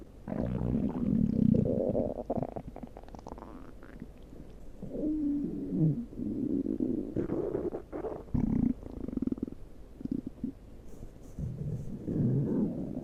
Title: my stomach growling